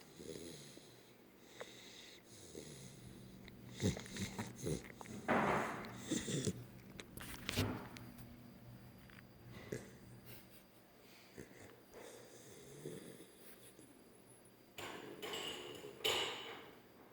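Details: Sleeping puppy, lying with tongue out, making irregular snorting, snuffling breaths with rough snoring noises; ordinary snoring.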